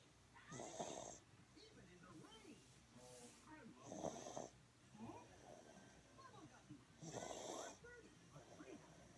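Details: Sick baby girl with a bad cough, asleep on a caregiver's chest: noisy, congested snoring breaths about every three seconds, with faint background talk; snoring.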